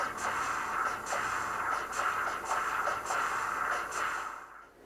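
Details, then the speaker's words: Dog echocardiogram, continuous wave Doppler from the subcostal (subxiphoid) view through the aortic valve: audio of the aortic regurgitation trace after adjusting baseline and scale; peak aortic velocity also measured. "we also have aortic regurgitation so there'll be no harm in me adjusting my Baseline down changing my scale and getting myself a nice aortic regurgitation Trace here as well"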